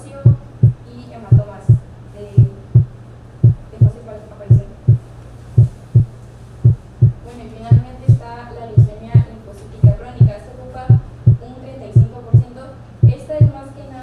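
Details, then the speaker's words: Regular heart sounds near 57/min; with atrioventricular (PR) interval 0.14–0.16 seconds the first sound is of moderate intensity and still louder than the second; normal first heart sound, moderate intensity. "a 0.14 y 0.16 segundos el primer ruido es de intensidad moderada y todavía es más intenso que el segundo ruido"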